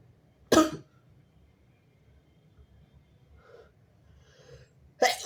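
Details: A person (he/they) with strong, wet, stifled messy sneezes: two sharp explosive sneezes with faint breaths between them in a quiet room.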